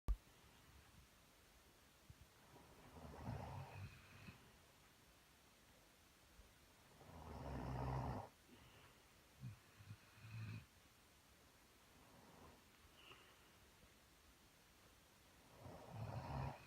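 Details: Carolina Dog and her owner both asleep and snoring on a cold January night at 8:45 pm: slow, low rumbling snores a few breaths apart with softer snorting breaths in a quiet room.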